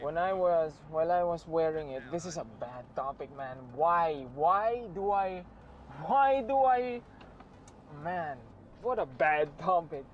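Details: Man who says he sometimes stutters; stuttering (word and phrase repetitions).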